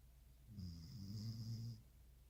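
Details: Snoring while asleep: one low, fluttering snore lasting about a second.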